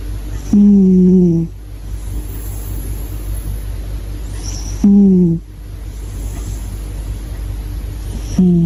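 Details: Sleeping British Shorthair cat snoring loudly with buzzing snores, one about every four seconds (about 14 breaths a minute), with quiet breathing between.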